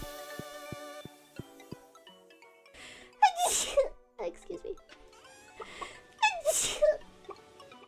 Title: strikes again!【HololiveEN】